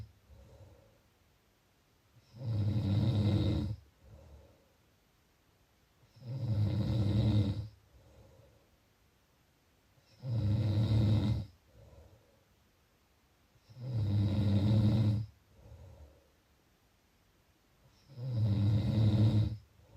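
Loud, regular low rumbling snores on each breath in, about 15 a minute, with quieter breaths out between them.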